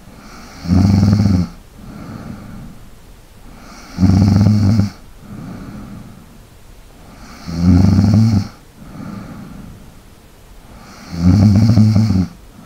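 Loud low rattling snores on each in-breath, about 17 breaths a minute, with quieter breathing between them.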